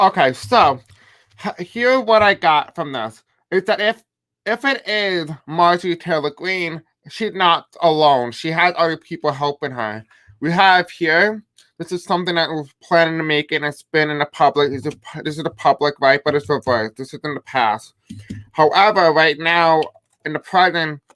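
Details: Adult male with self-described deaf accent, who says he may have a hard time pronouncing certain words, live-streaming; deaf speech.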